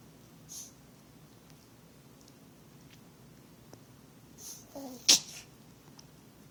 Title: Yorkie hacking and sneezing